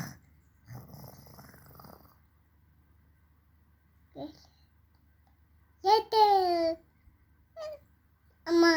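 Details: Baby imitating her father's snoring: a rough, noisy snore-like breath sound, then babbling with clear voiced sounds.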